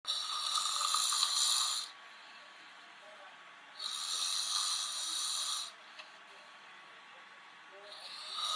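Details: Thin, hissing snore-like breaths about two seconds long, repeating with pauses, replayed from a TV crime drama episode; a man snoring.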